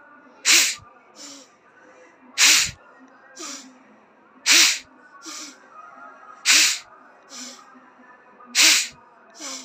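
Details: Five forceful sneezes about two seconds apart, each followed by a softer sniff, after Jal Neti nasal rinsing during a yoga session.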